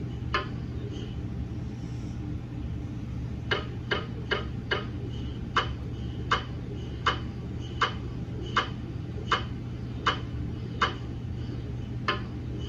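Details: MRI scanner gradient noise from a GE MRI system during a daily quality-assurance scan of a 150mm head TLT phantom in a head coil: sharp, regular knocking taps about 80 a minute over a steady low hum.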